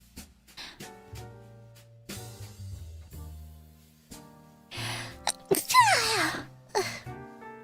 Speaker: one of the rare times i actually sneeze on stream